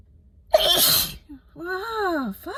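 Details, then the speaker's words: Adult with a head cold on cold day 3, doubled over alone in a parked car, sneezing uncovered: one forceful, explosive sneeze with a hissy burst, then a short drawn-out groan. "you foreign this is nuts y'all like I don't know if it's just me or if these actually are different from my regular fits um but something about this just feels like I don't know just like way more like objectively I'm sneezing like way less if we're talking in terms of like actual count and quantity"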